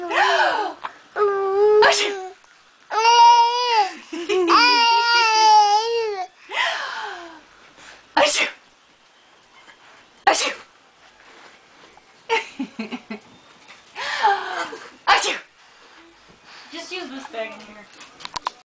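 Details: Infant babbles and coos, then gives several brief, sharp sneezes separated by quiet pauses.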